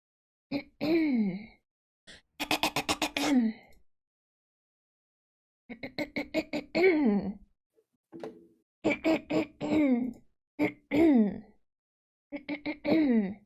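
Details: Repeated short, voiced throat-clearing bursts from a woman, in groups separated by silence: habitual throat clearing.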